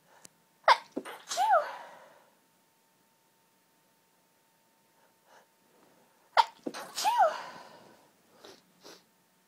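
Two sneeze bursts, each a high-pitched gasp followed by a sharp explosive sneeze; a sneezing fit from hay fever.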